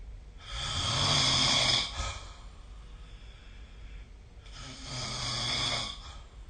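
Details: Adult snoring recorded with the SnoreLab app: two long, loud, rasping snores on breathing in, separated by a quieter pause.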